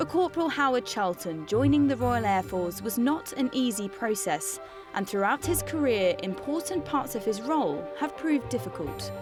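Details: Adult female narrator; fluent speech.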